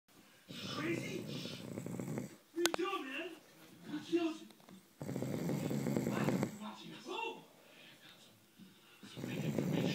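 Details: Loud, rough, rasping snores recurring about every four to five seconds, with quiet voices between them, in a snoring prank; snoring.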